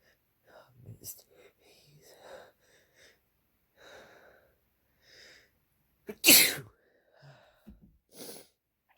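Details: Male hitchy sneezes: several catching, hitching breaths in, then one sharp, forceful wet sneeze and a smaller one after.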